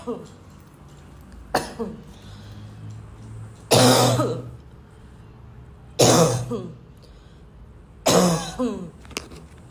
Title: coughing for days